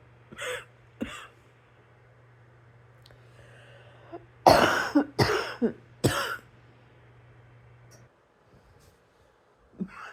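A cluster of three harsh coughs, with a couple of softer throat-clearing sounds before and after, over a low steady room hum.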